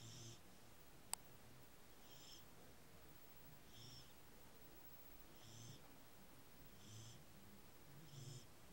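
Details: Beagle sleeping after an exciting day, just before waking: soft, regular low snorts with a faint high nasal whistle, about 35 breaths a minute, quiet dog snoring.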